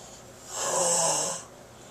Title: The sounds of snoring